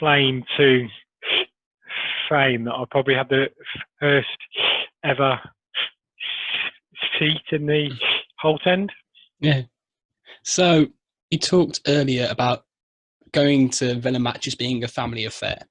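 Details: Adult man who has stammered since early childhood, with blocks and repetitions persisting despite Starfish Project technique; stuttering.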